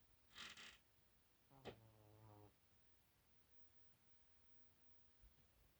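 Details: Fat shorthair cat snoring extremely loudly.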